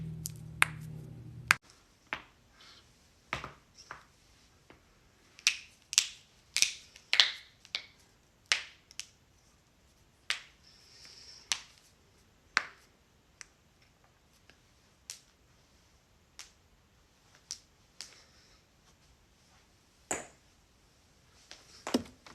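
Series of sharp, dry pops and clicks from joints cracking, a common harmless finding.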